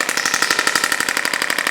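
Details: Radial shockwave handpiece on a woman's lower back near the iliac crest, 5+ years of chronic low back pain with lost lumbar flexion, first local treatment kept gentle; rapid even tapping, about twelve pulses a second.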